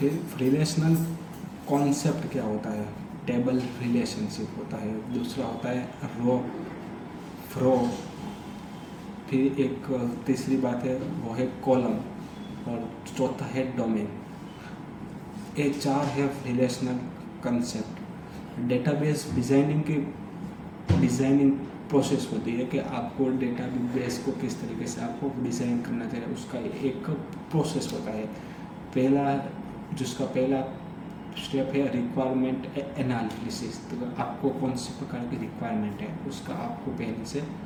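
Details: Adult Hindi-speaking man who stammers, doing storytelling practice on day 30 of daily fluency practice (breathing, tongue twisters, storytelling); stuttering.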